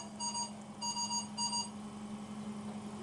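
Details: High-pressure alarm on a mechanical ventilator, demonstrated in critical care training on troubleshooting high airway pressure: three repeated bursts of high electronic tones over a steady low hum.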